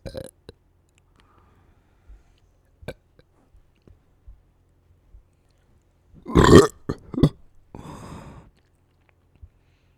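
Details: A couple of loud, deep, low-pitched burps after quiet mouth sounds; ordinary belching.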